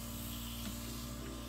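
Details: Continuous hissing spray over a steady low machine hum: atomizer running on a JY-105W household oxygen concentrator, home use.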